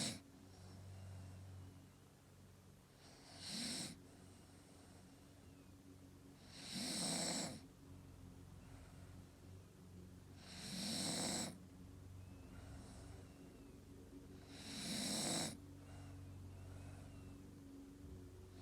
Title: Staffy snoring video 7